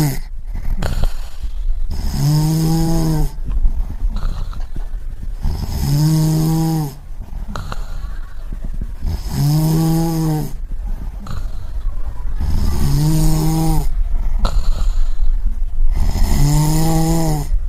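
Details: Snoring sound-effect recording: loud, regular, rattling snores about every 3.5 seconds, roughly 17 breaths a minute, with quieter exhalations between; snoring.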